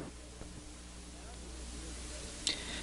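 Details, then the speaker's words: Patient saying "e", heard through stethoscope over healthy lung side: faint, muffled low voice sound, normal vocal resonance without egophony, before comparison with consolidated area. "first you will hear the letter e spoken over the healthy side"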